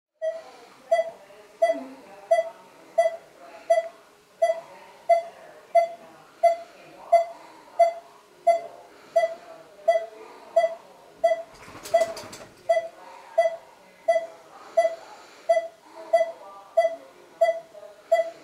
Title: breathing pacemaker